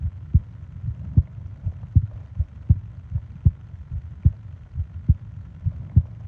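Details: ASMR sleep-aid recording of heart and breathing sounds: steady, regular low heart thumps over a soft background hum, a normal heartbeat.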